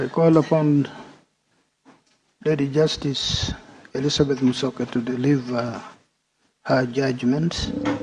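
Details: Adult male speaker; normal voice.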